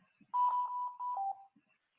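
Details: Steady electronic alarm tone of two sustained beeps, the second slightly lower, from a mechanical ventilator alarm during a teaching class on basic ventilation. The instructor is adjusting minute volume settings to push the graph past the red limit line.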